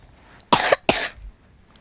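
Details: Two quick, sharp coughs in a row from a Roblox player who says they keep coughing; cough.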